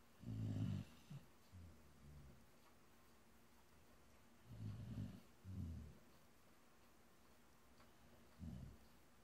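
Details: Low, rumbling snorts in irregular bursts during sleep breathing, with quiet gaps between; animal snoring.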